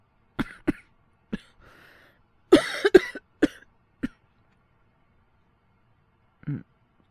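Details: Acted cough-from-a-cold voice by a male voice actor playing a younger boyfriend: about seven short dry coughs in uneven groups with throat clearing, a last cough after a pause; simulated cough.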